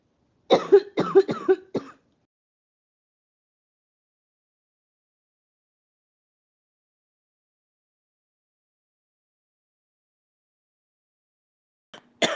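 A quick run of about four short, throaty coughs, then long silence and a brief final cough at the end.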